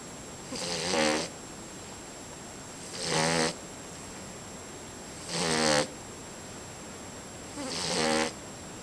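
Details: Sleeping pet asleep on the owner's leg, snoring away with regular rattling snores about 26 a minute over a steady hiss, until yelled at; it doesn't stay awake for long.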